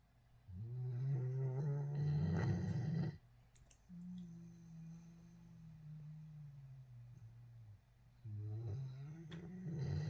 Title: Iko snoring